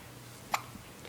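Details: 7-week-old baby girl with hiccups, at home on the couch: a single sharp, brief hiccup against quiet room noise; hiccup.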